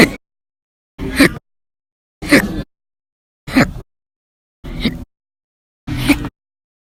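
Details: Persistent violent, very loud hiccups recorded between 12/1/19 and 12/25/19, audio only: six short, abrupt bursts about a second apart, roughly 50 a minute, separated by silence.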